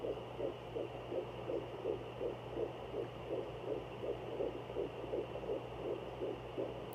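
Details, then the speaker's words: Fetal heartbeat heard at home with a handheld Sonoline B fetal Doppler: rapid, regular whooshing beats at about 160 a minute, clearly much faster than the mother's own slower heartbeat, which the probe also picks up. "you can clearly tell the difference between mine and the babies the babies are so much faster"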